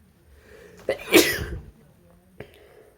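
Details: A male gives an induced sneeze: a quick indrawn breath, one forceful explosive sneeze, then a faint catch of breath; a single sneeze.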